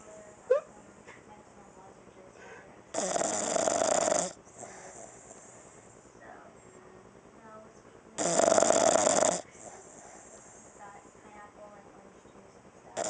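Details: Unedited recording of a female dog snoring while sleeping on her back, loud enough to be heard across the house: two loud, harsh, raspy snores about five seconds apart, each over a second long, with quiet breathing between.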